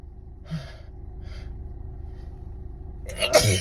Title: Messy and loud spray sneezes on my steering wheel